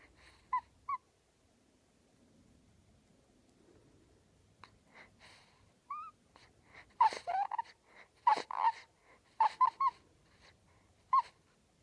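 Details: Two-week-old newborn boy making soft high squeaks, grunts and brief whimpers in irregular bursts after a quiet stretch while asleep; normal newborn sleep noises.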